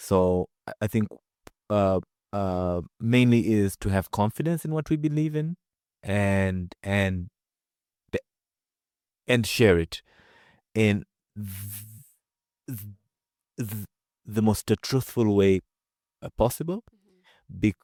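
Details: Adult man who stutters, speaking about his own experience with stuttering; stuttering.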